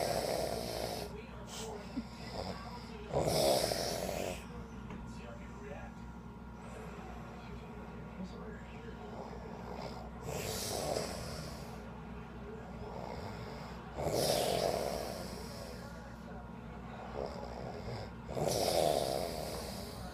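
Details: Snorting, rattling snores about every four seconds, roughly fifteen a minute, with quiet breaths between, from a person sleeping in a hotel after a beach trip; snoring.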